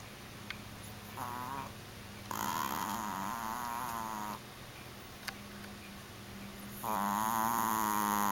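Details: Mickey, a dog sleeping in his new bed: loud, buzzing, drawn-out snores that rise and fall over a steady low hum of room noise; snoring.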